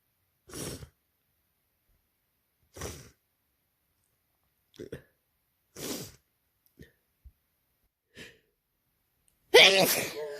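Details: Person with a cold for two days, sneezing repeatedly: several short breathy gasps building up, then one loud, wet, forceful sneeze.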